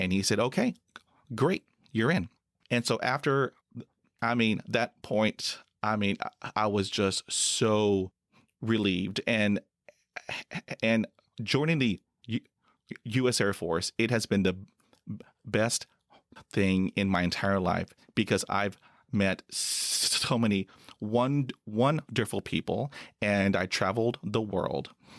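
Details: Adult man who stutters, with severe stuttering since school age, who joined the U.S. Air Force: stuttering.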